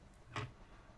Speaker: now i asked him to make the sound of a snore through the nose and it goes like this